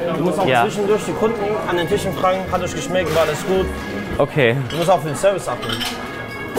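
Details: Adult man speaking German; ordinary speech.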